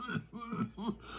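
Three short, low, throaty cough bursts in quick succession, like a cough merging into throat clearing.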